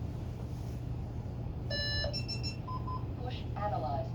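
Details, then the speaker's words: Steady low room hum, then electronic beeps and tones as an AED is switched on, followed by the start of a voice prompt, during two-rescuer CPR training. "what's the first step of operation of an AED turn it on if you can remember that it's going to talk you through every other prompt"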